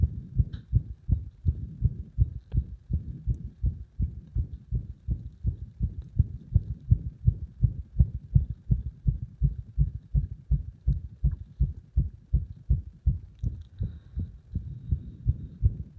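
Rapid heartbeat through pressure on the chest with uneven spacing and occasional extra beats; frequent irregular beats.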